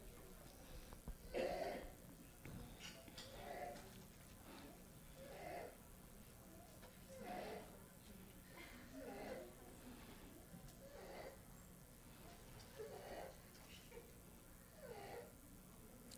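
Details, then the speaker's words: Child with croup who looks happy and comfortable but has mild substernal retractions and sounds horrible: high-pitched inspiratory stridor heard at rest. "he's got a little bit of substeral retraction. So he doesn't sound very good. Now he looks as happy as he can be. He doesn't look like he's having a problem, but he sounds horrible."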